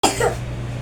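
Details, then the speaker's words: One short, forceful cough from a child with four days of worsening cough, fever and runny nose, heard during a live consultation, followed by low room noise. "So ilan araw na po yung ubo niya? Ah 30 31 apat na araw pati yung lagnat fever. Lumalala po yung ubo niya."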